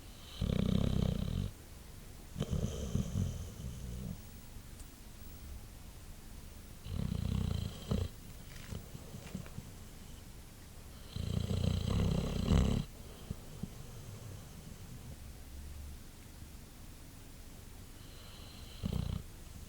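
Loud, rumbling low snores come in irregular bursts with quiet gaps between breaths. This is a sleeping dog snoring.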